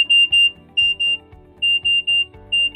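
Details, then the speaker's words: Loud high-pitched repeating alarm tones in short bursts from a RemunityPRO infusion pump delivering Remodulin; an alarm, unlike an alert, means delivery has stopped and must be addressed right away. "When an alarm is occurring, the pump plays the alarm sounds."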